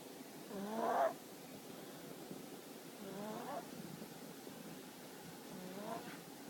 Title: Baby Snore